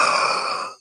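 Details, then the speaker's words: Single harsh, hoarse, barking croup-like cough from an adult who is ill and getting better, worse the day before, who says he sounds like a baby with croup. "I'm in the go home portion of whatever this is. The I have. I sound like a baby with the croup."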